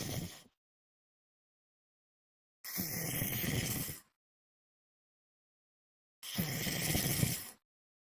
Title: Night snoring lmfao